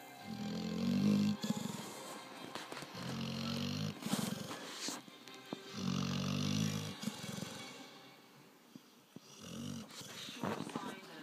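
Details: Dog snoring while fast asleep: deep, rumbling, growl-like snores in bursts of a second or more, music in background.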